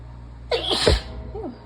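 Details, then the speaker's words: One loud, forceful sneeze with a voiced catch and short trailing sound, during a sneezing fit in someone who says they are sick, run down and congested; single sneeze. "oh that was a little bit drier I'm getting tired and my lungs are getting mad"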